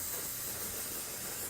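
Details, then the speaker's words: Ethyl chloride cold spray applied to the skin over a marked joint injection site after antiseptic cleaning, before a depo-methylprednisolone and lignocaine injection: a steady high aerosol hiss. "and then use some ethyl chloride spray to"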